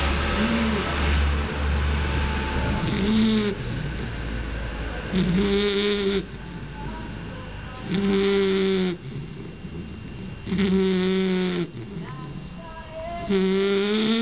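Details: Sleeping Bull Terrier snoring: steady snoring at about 22 breaths a minute, each breath with a loud, whining, nasal tone and quieter rasping between.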